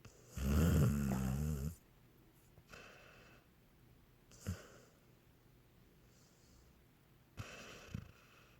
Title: Honey snoring like a cartoon dog